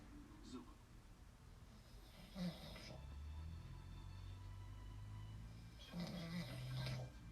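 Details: Adult man (husband) asleep: low, rough snoring with a couple of louder snorting breaths over steady room noise; snoring.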